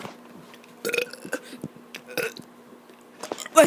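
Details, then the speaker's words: Child doing deliberate burps after running a lot that day, recorded on an iPad: a few short, croaky belches with a steady room hum. "guys um i'm going to be doing burps today i'm the reason why i'm acting tired because i just ran quite a bit today"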